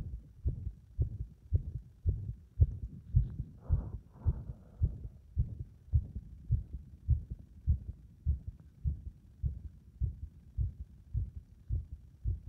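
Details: Heart that becomes unstable under compression: low heart thumps about 107 a minute, with somewhat uneven spacing and a brief handling rustle while pressure is applied; an irregular rhythm.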